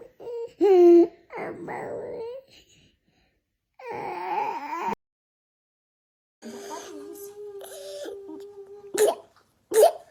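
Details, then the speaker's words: A real child with croup, a viral illness that is worse at night: the distressed child whimpers and cries, then gives two short, harsh croup coughs. "now let's have a listen to what croup sounds like in real children"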